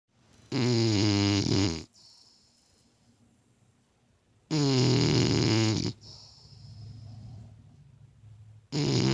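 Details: Rio and Kashi snoring: loud, rattling snores on each in-breath, about 15 a minute, with quieter whistling breaths out between them.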